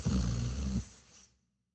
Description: Dog snoring sound effect in best audio quality , Here is the high quality audio of dog making snoring noises while sleeping.